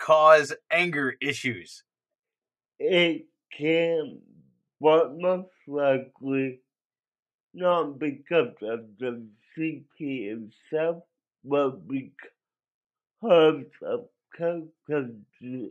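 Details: Dysarthric speech in an adult male with cerebral palsy, which he believes was caused by a drug overdose; he says the condition affected his voice.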